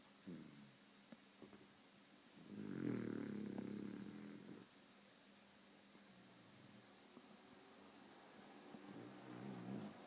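A single low, rumbling snore during sleep, with quiet breathing before and after; ordinary dog snoring.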